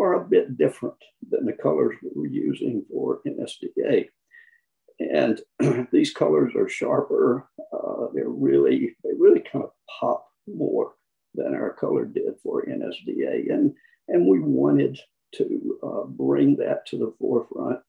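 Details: Adult man who counts himself among people with spasmodic dysphonia; spasmodic dysphonia.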